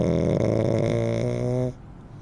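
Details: Blind rescue dog in foster care who snores in different ways: one long, loud, droning snore with a throaty vibrating tone, fading after nearly two seconds; snoring.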